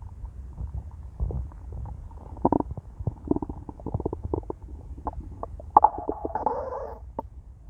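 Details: Adult female, empty stomach after 18 hours of fasting, very hungry: irregular gurgling, bubbling and squeaky rumbles ending in a drawn-out growl, loud bowel sounds (borborygmi, stomach growling).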